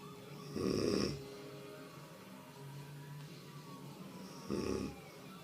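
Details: Woman snoring during sleep: two short, coarse, rumbling snores about four seconds apart with quiet breathing between; her snoring had almost stopped, then came back sharply, like a warthog.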